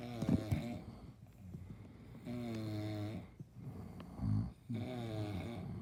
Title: My dad and uncle snores !!rage!!